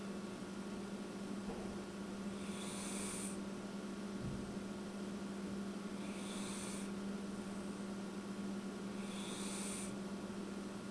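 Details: Female cat snoring while asleep: soft, hissing, wheezy breaths about every 3.5 seconds (about 17 a minute) over a steady hum and hiss. She often snores louder than this.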